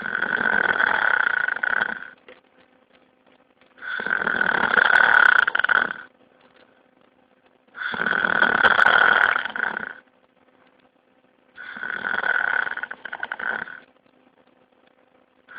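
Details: Loud, rough snoring during sleep: four long breaths in about 16 seconds, roughly 15 a minute, with quiet pauses between.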